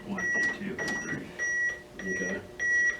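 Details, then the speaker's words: American Red Cross CPR/AED training: after a shock is delivered, a training AED's metronome gives steady high beeps, each beep marking one chest compression. "have a metronome in them they beat every one of these beeps is a compression okay some of them actually count for you"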